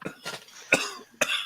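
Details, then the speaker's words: Adult woman's cough, a short run of about four sharp, harsh coughs in quick succession, described as hacking: cough. "You can hear her cough in the West Coast."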